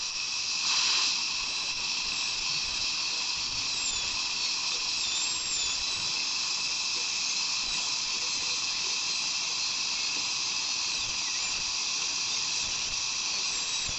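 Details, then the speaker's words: Continuous high-pitched whine and hiss with faint squeals: high-speed dental drill preparing tooth number 20 for a composite filling on a practice manikin, in dental assisting training (simulated). "i'm going to hold my mirror here just to reflect the tongue and then we're going to go ahead and start drilling let's turn it on"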